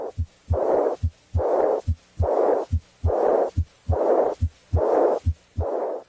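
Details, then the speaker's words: Simulated aortic regurgitation: regular heartbeat near 71 per minute, each S2 followed by a long, high-pitched, soft blowing decrescendo diastolic murmur, heard with the diaphragm at the left second interspace down the left sternal border to the apex. "using the diaphragm of the stethoscope listen at the left second interspace and down the left sternal border to the apex for the high-pitched soft-blowing decrescendo diastolic murmur of the aortic regurgitation"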